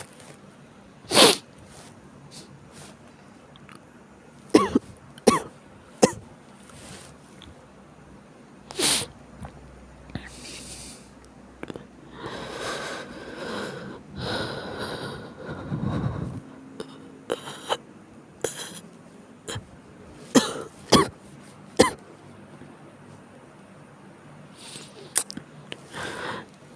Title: 悪寒と咳 chills and cough